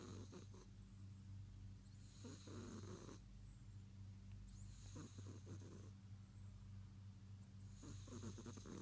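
Loud, rough, rumbling snores with a steady low hum underneath, repeating with each breath during sleep; a cat snoring.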